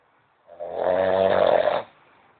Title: SNORING MAN